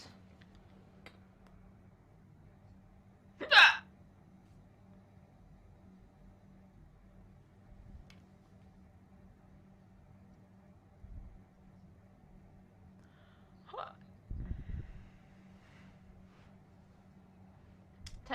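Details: Woman's hiccups in a quiet vehicle: one loud sharp hiccup and a softer one later, faint rumbling between.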